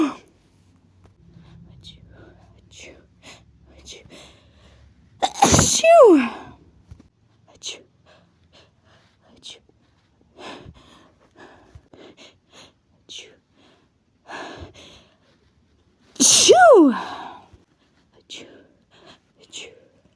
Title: "Achoo" build-ups & sneezes (f)